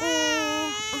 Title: Gripe Water for babies by Woodwards | Trusted by generations of mothers | Relief from colic | Tamil